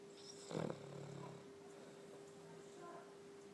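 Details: Snoring: a single short, rough snorting snore followed by a soft breathy exhale, over a steady background hum.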